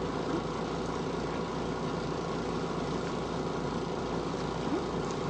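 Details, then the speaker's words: Steady low motor hum of a suction machine set to medium suction (80–120) on continuous mode, turned on while preparing for nasopharyngeal suctioning. "Now, going to turn our suction on. Um this particular model we have 80 to 120 is your medium suction. And we're going to leave it on continuous because once we get down, we want to go ahead and suction out."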